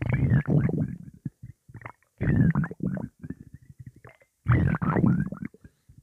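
Loud, low gurgling and rumbling bursts with bubbly pops, repeating over several seconds: bowel sounds from gas and fluid moving through the gut.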